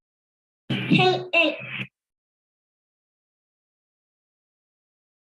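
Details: Child with cleft palate, sample two used in a teaching module; air escapes through the nose during s; nasal air emission.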